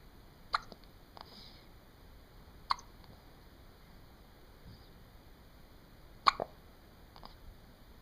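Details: Three abrupt, sharp hiccups spaced irregularly several seconds apart in a quiet room; hiccups.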